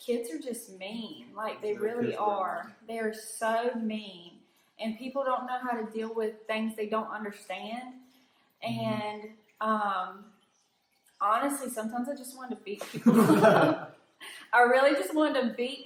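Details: Adult woman; typical speech.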